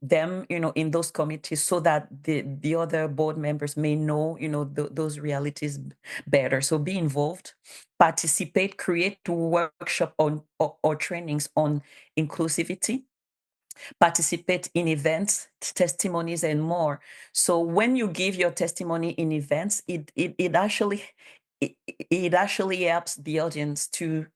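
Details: Bilingual adult woman who stutters, has self-declared her stutter as a disability, and cites speech therapist documentation; real conference speech, consistent with stuttering.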